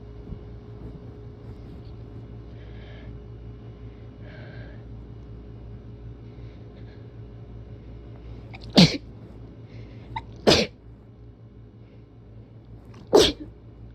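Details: Allergy sneezing: a person with seasonal spring allergies and an itchy nose gives three forceful, wet-sounding sneezes with short gaps, over steady room hum.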